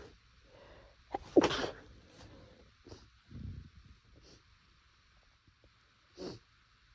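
A few short, muffled bursts of air through the nose, held back rather than let out fully: stifled sneezes in a quiet room.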